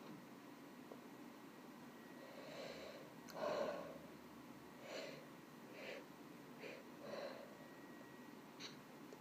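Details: Female deliberately holding back sneezes: several quiet, muffled nasal bursts with soft hiss, close together; stifled sneezes.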